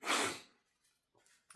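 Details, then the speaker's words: Person inducing sneezes with snuff (chinnkni) and a bobby pin: one sharp, airy sneeze followed by quiet breathing and a sniff; induced sneeze. "I wish it would make me sneeze more, but I'll take what I can get. Alright, I know I only got like 4, so let me see if I can get some more for you guys."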